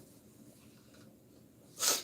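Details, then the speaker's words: One sudden sharp sneeze at the end of a quiet stretch of a livestream; the speaker says weeds and pollen are aggravating her allergies and she took no allergy pill today. "this these weeds this pollen all this stuff is getting in my nose it messing with my allergies and I didn't take an allergy pill today"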